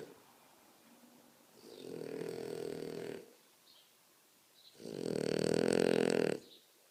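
Two long, loud rasping breath sounds about two seconds apart, with quiet pauses between: heavy snoring.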